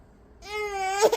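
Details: A brief infant cry, a single clear, sustained wail rising in pitch and ending in a sharp catch, after the baby grabs at the camera or phone.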